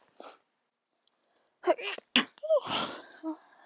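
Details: Sneezing with a cold and an itchy nose: a soft sneeze, then a louder, sharper sneeze with a quick intake and a voiced trailing sound.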